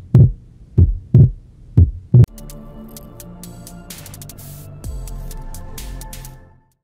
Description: Also called physiological splitting, it can be heard during inspiration in the pulmonary focus.